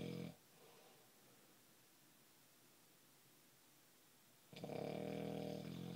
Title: snoring